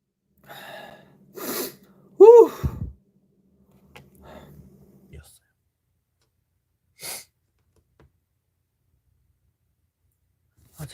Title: OnlyOneOf sneeze